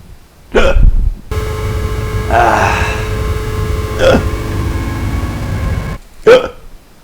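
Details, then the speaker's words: Three abrupt, short hiccups a few seconds apart from a person asking how to get rid of their hiccups, over a steady background hum and faint music. "Hey, Jade. I have the hiccups. How do I get rid of them?"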